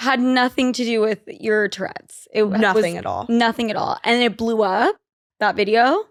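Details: Adult woman speaking; typical speech.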